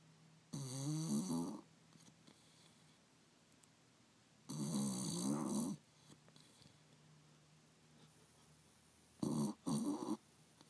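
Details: Sleeping Bulldog (Sadie), short-nosed breed, twitching under a chair by a heater: three loud rattling snore bursts separated by quiet pauses over low room hum; snoring.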